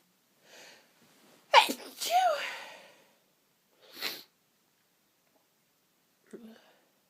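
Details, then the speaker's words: Adult with a sneezing fit, very sniffly, with false starts and stuck sneezes: a short build-up breath, a loud sneeze, a second smaller sneeze and a brief sniff; repeated sneezing. "And it keeps teasing me with false starts, stuck sneezes, and I am very, very sniffly. I just need to sneeze. God, they feel so good."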